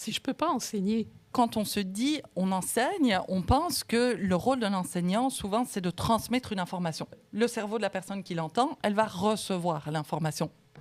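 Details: Adult woman speaking French; Normal speech.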